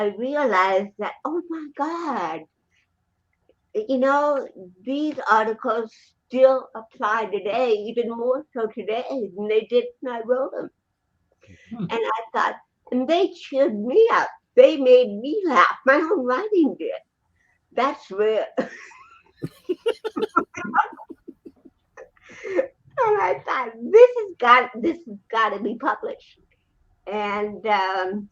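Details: Adult woman with cerebral palsy, speaking in a real interview; finding: dysarthria (cerebral palsy).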